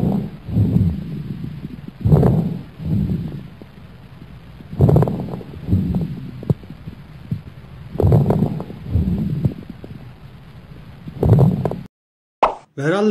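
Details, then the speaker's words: Teaching example of lung sounds: medium crackles, bursts of bubbling crackles in the middle of each inhalation; seen more often in diseases such as bronchiectasis. "orta raller nefes almanın ortasında duyulur ve bronşektazi yani bronşların genişlemesi gibi hastalıklarda daha sık görülür işte ORT raller sesi"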